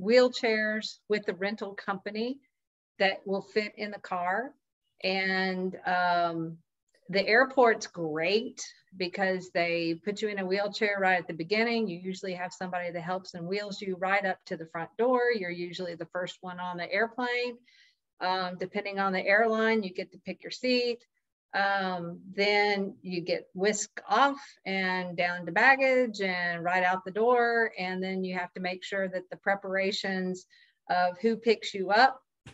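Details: Adult woman speaking; Conversational speech.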